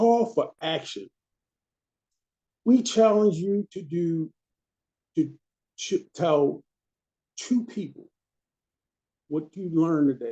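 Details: Stroke survivor, stroke in March 2020, with aphasia, presenting as a member of an aphasia awareness team; speech errors are attributed to the aphasia.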